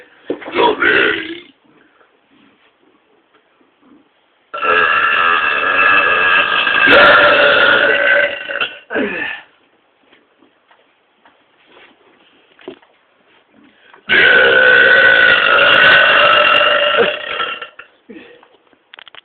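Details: Three loud, drawn-out voiced belches from two people burping deliberately, two lasting several seconds, with brief pauses between.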